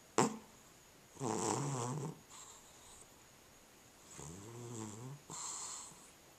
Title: Cat Snoring